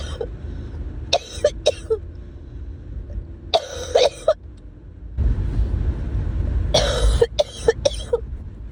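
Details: Three bouts of two to four harsh, loose-sounding coughs over background road noise, from a person with an acute illness.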